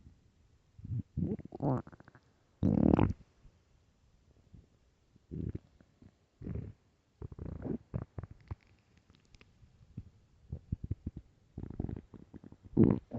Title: extremely LOUD hungry stomach growls and empty stomach (part 2)